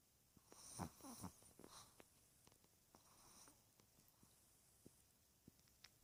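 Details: 13-year-old chihuahua snoring lightly: soft whistling snorts and brief snuffles at first, then quiet breathing with small clicks.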